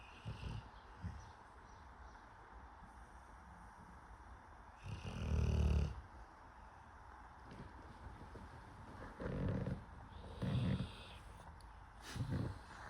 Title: Snoring lil piggy!